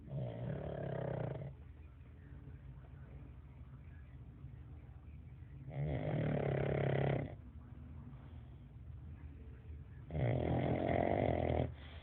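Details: Pug dog snoring very loudly: loud, rough snores in bursts every four to five seconds, with quieter breathing between them; heavy snoring.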